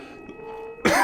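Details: A single short, harsh cough after a quiet moment, from an adult getting over an illness with a recent fever.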